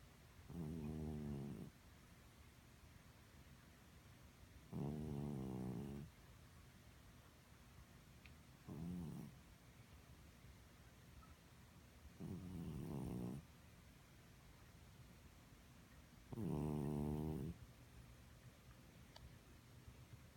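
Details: Senior cat, a lifelong occasional loud snorer, never congested and judged fine by the vet; loud, rattling snores during sleep, about 15 a minute with quiet pauses between: snoring.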